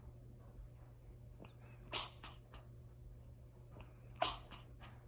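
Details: Snoring from Marley during sleep: soft snuffling breaths with two sharper nasal snorts over a steady low hum; noisy breathing through the nose.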